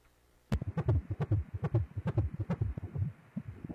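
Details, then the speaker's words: Fetal heartbeat heard on obstetric ultrasound: fast, even whooshing beats, measured at about 150 beats per minute, described as normal; a normal fetal heart rate and rhythm. "Donc, on a un cœur qui bat superbement bien. Donc, ça, c'est très, très beau."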